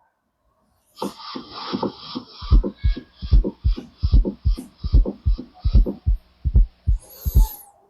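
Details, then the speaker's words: Regular heart sounds with an extra soft sound just before S1: a fourth heart sound (S4), always pathological, indicating ventricular hypertrophy or impaired relaxation. "that's that's S4. Okay. What's the clinical correlation? It is always pathological member. S4 is always pathological."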